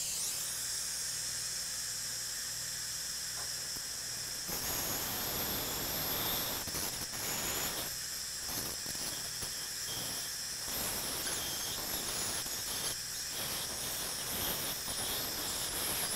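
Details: High-pitched hissing whine of an ultrasonic endodontic instrument, running steadily with brief on-off pulses, in a quiet treatment room during live root canal treatment of tooth #14 under slit rubber-dam isolation.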